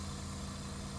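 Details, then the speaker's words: Suction unit motor running with a steady low hum before tracheostomy suctioning of an adult, set to 100–120 by the nurse, in a nursing school demonstration. "apply suction while twirling it kind of between the two fingers and for no longer than 15 seconds but ideally 10 to 15 seconds would remove it"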